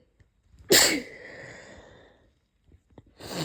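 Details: A sharp, explosive sneeze with a hissing tail, then the start of another, from a person left with barking coughs and chest pain after a cold; sneezing.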